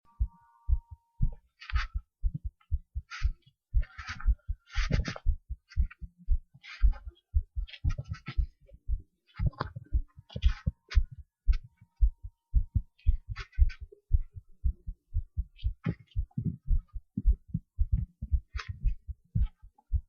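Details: Steady low heart thumps repeating throughout, with occasional scratchy rubbing noise over them, in a short recording: heart sounds.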